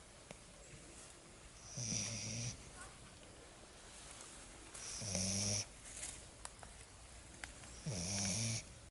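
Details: Lagotto Romagnolo puppy snoring loudly in sleep: three short, buzzy snores about every three seconds, around 20 breaths a minute, over steady room noise.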